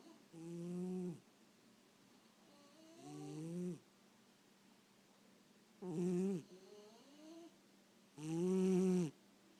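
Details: Cat and dog sleeping: four drawn-out, tonal, rattling snores on slow inward breaths, about 23 a minute, with quiet pauses between; snoring.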